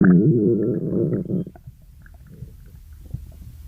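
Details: Stomach growling; borborygmi.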